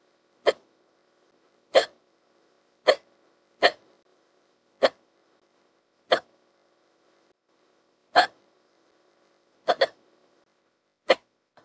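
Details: Ten sharp, brief hiccup sounds at irregular intervals, about 50 a minute, over a faint steady hum; AI-generated female voice, partly spliced from other hiccup recordings; simulated hiccups.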